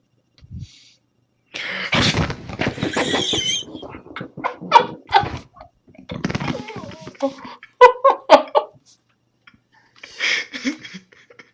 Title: Fucking Sneezes